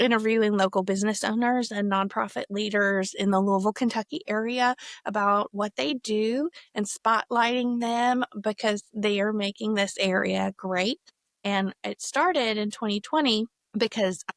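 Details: Adult woman speaking; normal speech.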